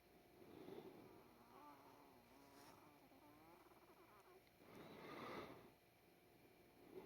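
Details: Person wheezing severely when lying down: noisy breathing with a wavering, musical whistle drawn out over several seconds.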